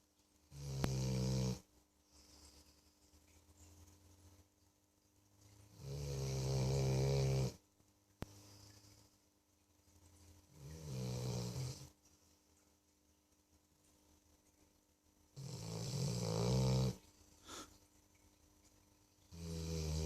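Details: Sleeping dog snoring extremely loudly: loud, deep rattling snores on each in-breath, about four in twenty seconds, with quiet out-breaths between; heavy snoring.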